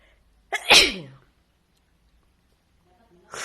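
A single loud, sharp sneeze with a quick intake before it, then quiet.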